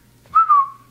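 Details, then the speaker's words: A single brief, sudden whistle in a quiet room from a man with Tourette syndrome and schizophrenia; his tics come in pairs, a snap and a whistle, which he tries to control; whistling vocal tic. "and they come in pairs like that a snap and a whistle but I try to control it the best of my ability"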